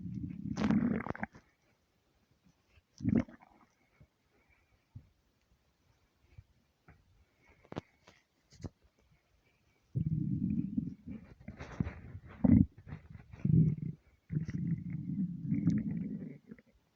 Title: empty stomach rumbles 300 sub special!